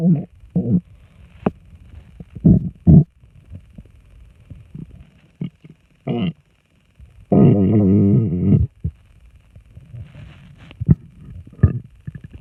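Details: Loud stomach rumbling (borborygmi) after drinking two bottles of water: frequent bubbling gurgles and pops with one long, drawn-out groaning rumble.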